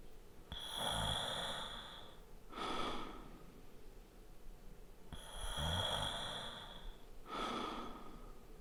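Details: Light snoring sound effect recorded with a Zoom H4n Pro: two breath cycles, each with a longer fluttering inhale and a shorter soft exhale.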